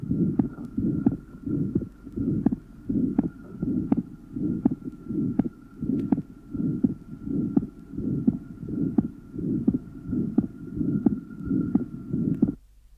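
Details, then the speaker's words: 28-year-old woman with mild pulmonary stenosis, recorded at pulmonary area: loud pulmonary systolic murmur and aortic closure, then delayed softer P2 about 0.06 seconds later. "the pulmonary systolic murmur and aortic valve closure are loud but the delayed and softer P2 will only be heard if if the listener concentrates on the period after aortic closure"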